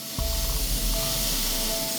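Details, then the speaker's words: Fractional CO2 laser resurfacing of a patient's face at a clinic: loud continuous hiss and rushing noise with a low hum and faint steady tone from the device running. "laser res resurfacing uses an intense light beam to correct wrinkles and scars it may cause some discomfort and the recipient will be housebound for up to a week"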